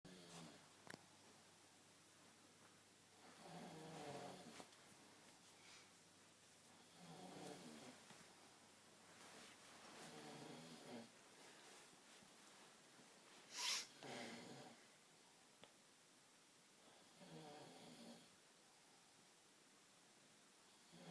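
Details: Soft, rasping snores roughly every three to four seconds, about 16 to 18 a minute, with a brief loud snort midway: snoring.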